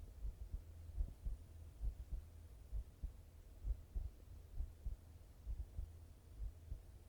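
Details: Normal heart sounds: steady paired lub-dub thumps at about 66 beats a minute over a low hum, a regular heartbeat.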